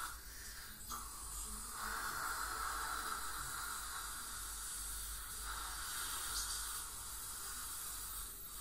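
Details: Ultrasonic scaling by a dental hygienist on a patient with heavy plaque and tartar, possibly gingival inflammation or full-mouth debridement: steady hiss and spray with a faint high whine and suction noise as tartar is removed.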